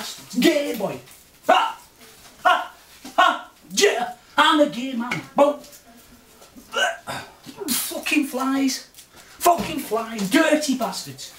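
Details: Adult man with Tourette syndrome, recorded September 2009 as a follow-up; his vocal and motor tics have changed since earlier, vary with mood, and include obscene shouting when he is angry or annoyed; vocal tics with coprolalia (Tourette syndrome).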